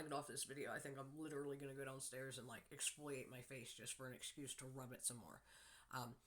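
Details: Adult woman on day 6 after dental implant surgery, wearing bulky temporary teeth made bigger and wider for gum swelling, still on ibuprofen and pain medication; lisp with whistling sibilants.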